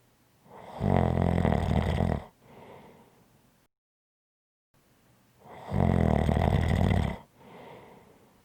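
Two loud, rough, low-pitched rattling snores on breathing in, each followed by a softer breath out, with a pause between.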